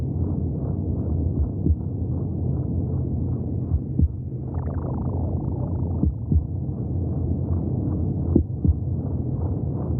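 Fast, rhythmic whooshing pulses over a deep muffled rumble, typical of a fetal heartbeat heard through the womb. Normal heartbeat.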